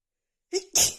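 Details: Woman's itchy sneeze attack: a single sneeze after silence, with a short voiced intake followed by a sharp hissing burst; an ordinary sneeze.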